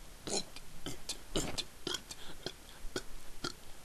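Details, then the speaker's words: Man deliberately burping on an empty stomach in a most-burps-in-a-minute record attempt: a rapid series of about ten short belches in under four seconds, with a clock ticking in the background; burping. "This is, and I'm setting the record for burps in a minute."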